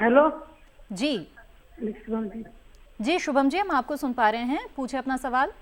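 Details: Adult woman; normal speech.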